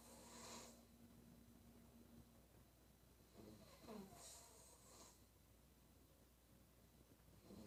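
Repeated rattling, snorting snores with each breath, roughly 17 breaths a minute, over faint room hum.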